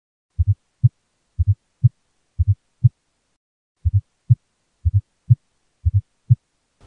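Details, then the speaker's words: Pediatric cardiac auscultation with a stethoscope: low, regular heartbeat about 60 a minute with an extra soft low-frequency sound just before S1 at atrial contraction; S4 gallop, possibly indicating severe hypertension or cardiomyopathy. "it is a low frequency sound and can often indicate severe hypertension or potential potential cardiomyopathy"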